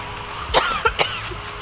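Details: Three short, sharp cough bursts in quick succession from a woman over faint background noise; a brief coughing episode.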